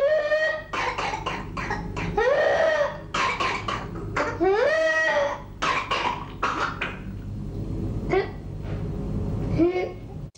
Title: WHOOPING COUGH | ជម្ងឺក្អកមាន់ | PERTUSSIS